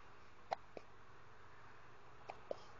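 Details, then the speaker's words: Baby girl who often gets hiccups: four brief, soft, abrupt hiccup catches in pairs over under three seconds, against quiet room noise. "Now you just got a grunt and hiccup."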